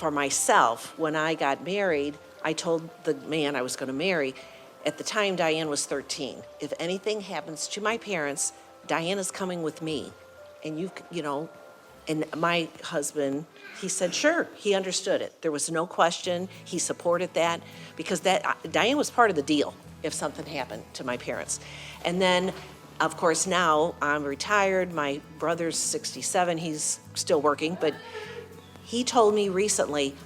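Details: Adult woman speaking; typical speech.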